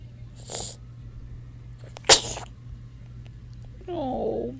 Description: Wide awake and looking around. Sneezes at the end, poor thing.